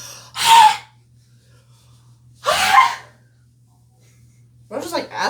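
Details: Two loud, explosive sneezes a couple of seconds apart, followed by a brief voice; a steady low hum runs in the background. Sneezing.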